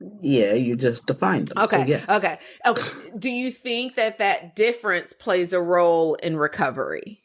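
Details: Adult speaker; typical speech.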